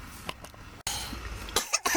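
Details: A few harsh, dry cough bursts in a small room while smoking marijuana/hash; irritant cough.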